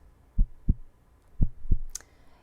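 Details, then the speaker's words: Heartbeat sound illustrating pulsatile tinnitus, a heartbeat heard constantly in the ear: two paired low lub-dub thumps at roughly 60 beats a minute, followed by a brief click. "You hear that noise, that bub-bub, bub-bub, that heartbeat noise? Typically, you need a stethoscope to hear it, but imagine hearing your own heartbeat constantly every second of every day."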